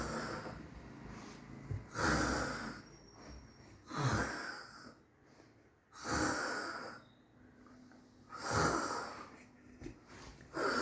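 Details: Sleeping woman checked on by her golden retriever: loud, rough snoring breaths about every two seconds, roughly 29 a minute, rattling and snorting; ordinary snoring.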